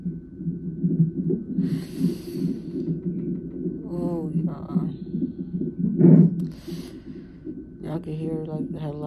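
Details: At 34 weeks' pregnancy, in labor and delivery triage for pain and pressure, a fetal monitor gives a steady low whooshing pulse with irregular bumps and surges, faint voices in the room: fetal heartbeat with fetal movement.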